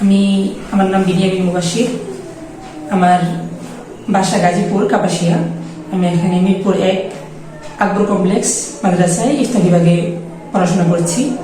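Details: Young man with an abnormally high-pitched, thin voice that has persisted since about age 15-16 and did not deepen after puberty, before treatment; puberphonia.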